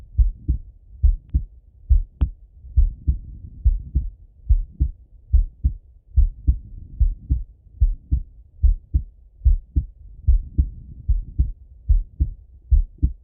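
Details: Male heart auscultation through a stethoscope, recorded either sitting at a desk or lying in bed: clear lub-dub heart sounds in steady rhythm, about 70 beats a minute; ordinary heartbeat.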